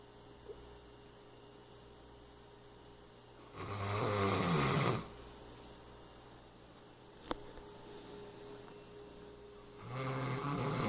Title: Creed the Great Dane snoring